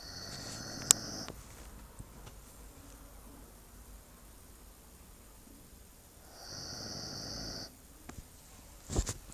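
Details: Snoring in a pet female dog: two soft, whistling, noisy snores several seconds apart from the sleeping dog, over quiet room noise.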